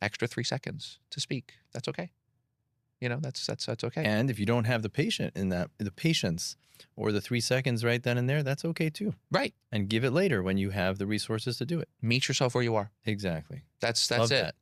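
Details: Adult male speaker; typical speech.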